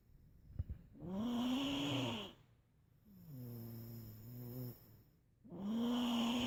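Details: Loud, rough, low-pitched sounds on each breath, with quiet pauses between them; snoring.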